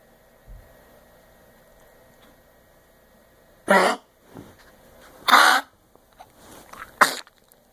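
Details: A dog with kennel cough gives three loud, harsh, dry coughing bursts in a quiet room.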